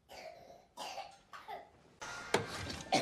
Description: A supercut of 1477 coughs and sneezes from Every Movie Cough, the world's most complete collection of cinematic coughs and sneezes.